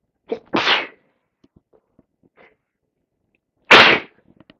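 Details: Sneezing on day 3–4 of a cold with heavy congestion: two forceful sneezes, the first with a sharp intake before the burst, in a quiet room.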